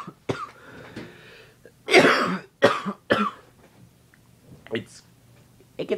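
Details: Adult with a very bad cough during a recurrent illness, also sinus trouble: a run of about three harsh, forceful coughs with quieter throat noises around them.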